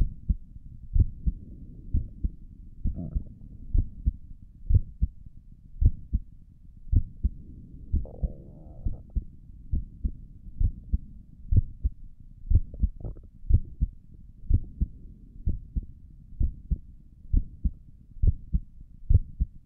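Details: ASMR recording of the creator's own heartbeat through a stethoscope on the chest; steady soft lub-dub at about 62 a minute with faint background rustling; stomach gurgles occur during the recording; normal heart sounds.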